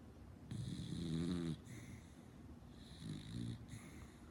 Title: Snoring beagle 😂